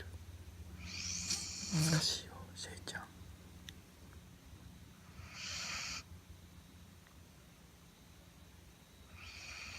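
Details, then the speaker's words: Five-month-old (21 weeks) female Labrador puppy asleep with legs spread, snoring: soft, low, rough snoring breaths, with faint whispers and a quiet room hum. "5ヶ月の乙女がお股を開いておっさんのようにいびきをかいています。"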